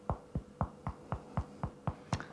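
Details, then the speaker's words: Demonstrator percusses over their own liver at the bottom of the right rib cage, making nine quick, flat taps with a short dull note and little ringing: dullness over a solid organ. "now if you want to hear dullness usually you need to percuss over a solid organ easiest that I can find is the liver"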